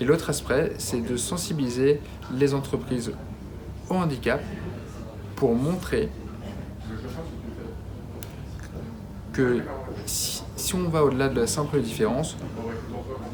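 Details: Adult man with stuttering he describes as a daily disability, present at least since school, with repetitions and blocks; stuttering.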